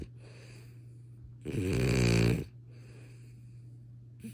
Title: Yes, frenchies SNORE! But those TEEF! 🤓🥰